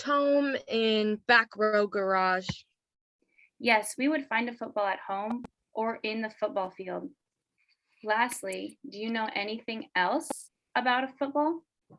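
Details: Adult woman speaking; normal speech.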